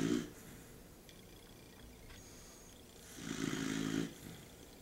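Low, rough snoring sound on a breath, with a quieter breathing gap between; dog snoring.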